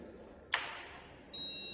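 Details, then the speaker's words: Sharp click, then a short high steady beep as a VETESE-S6200 anesthesia machine is switched on with its power button, just before its roughly 3-second self-test. "Okay, now I will start the introduction for the machine functions. First, we will start the machine by this button."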